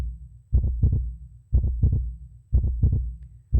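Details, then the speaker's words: Clear, regular paired lub-dub thumps at about 60 beats a minute; normal steady heartbeat presented in a sermon as the speaker's own heart sound. "여러분 인간의 수명은 보통 평균 80으로 봅니다이 제 심장 소리예요"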